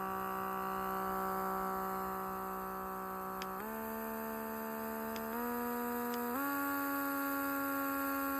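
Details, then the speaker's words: Electric baby nasal aspirator motor: a steady hum that steps up in pitch as suction level rises; the Grownsy has up to 3 levels and is louder, the Momcozy has up to 4 levels and is quieter. "But the Gronzy's suction noise is considerably higher than the Mom Cozy. The Mom Cozy definitely has a quieter suction sound."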